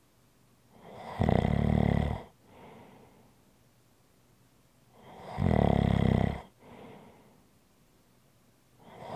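Loud rattling snore on each inhalation with a softer exhale between, about 14 breaths a minute: ordinary snoring.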